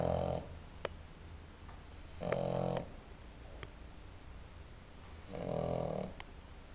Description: I was told they snore, but I really didn't think they actually SNORED! The funny thing is that now if I don't here Bianca snoring I run to check if she's breathing.